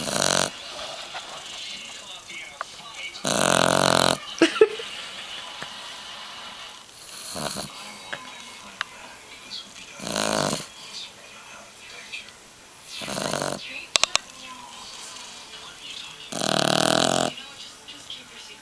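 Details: 3-month-old Boggle puppy snoring like a human: loud, harsh snorting snores recurring irregularly, roughly every three to four seconds, over faint room noise.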